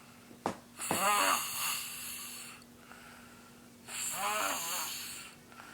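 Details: Chubby little brother asleep at 1:00 am; two loud snores, each a rattling, whistling intake of breath, separated by quiet pauses, with a steady background hum: loud snoring.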